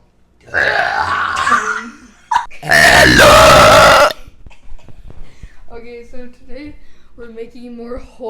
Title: Making hot chocolate AGAIN with SSHHUI master and tons of burps. (TO FUNNY!)